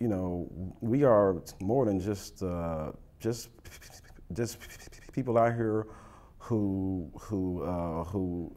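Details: Adult person who stutters, with audible repetitions; stuttering.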